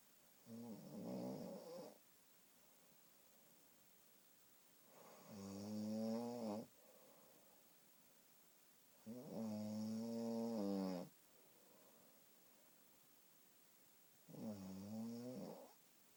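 Four slow, droning snores, each on the in-breath, about 13 breaths a minute, with quiet gaps between. Regular snoring.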